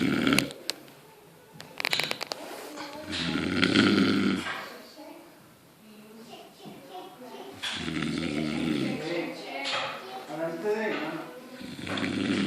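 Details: Comedy snoring, probably exaggerated: loud, rough snoring sounds in long bursts with short quiet gaps, faint background music.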